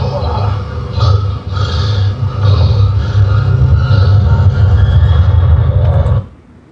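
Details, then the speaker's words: Very loud snoring shown as an example of obstructive sleep apnea, where the throat narrows and closes during sleep: rough, rumbling snoring carried on each breath. "Ang tawag natin dyan, pag grabe talaga humilik, di ba? Parang nalalagutan na ng hininga ay sleep up."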